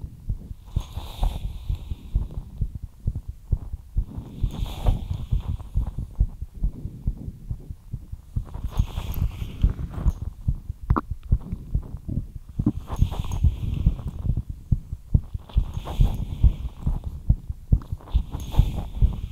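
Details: Heartbeat after light exercise: rapid, regular, low thumps at about 140 beats a minute with a steady hum; tachycardia after exercise.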